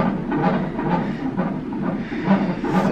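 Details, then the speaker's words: Rhythmic whooshing pulses, about 130 a minute, from a Doppler fetal heart monitor at 41 weeks of pregnancy, with no contractions present: a fetal heart rate thought to be fine. "so they finished monitoring the baby's heartbeat and my nan contractions I'm not having any"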